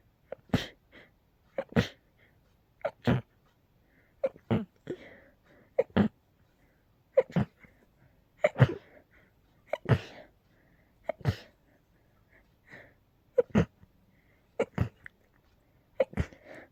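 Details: Sneezing fit in a person with a cold plus allergies, intense episodes every couple of hours: a rapid run of about a dozen sharp, explosive sneezes, each followed by a short breath.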